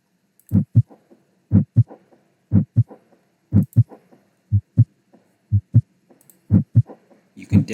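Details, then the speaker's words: Simulator heart at about 60 beats a minute with a soft whooshing murmur trailing the paired heart sounds, heard at the first two auscultation landmarks but not the last three: heart murmur. "hear that whoosh sound at this point on this side of the landmark after another whoosh Hound I can't hear the whoosh sound and the last three landmarks but the first two landmarks I could hear the wish"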